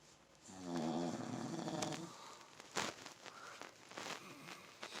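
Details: Soft, fluttering, vibrating breath sound followed by quieter snuffles from a sleeping cocker spaniel–chihuahua mix dog; snoring.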